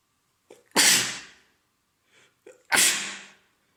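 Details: Two sneezes, each a short in-breath then a loud explosive burst, from an adult male with a common cold caught days earlier, three days of congestion, runny stuffed nose and sore throat; sneezing.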